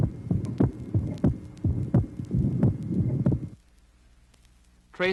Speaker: tracing number two shows a physiological narrow splitting of the second sound varying with respiration it should be noted that the pulmonary valve closes later than the aortic valve on inspiration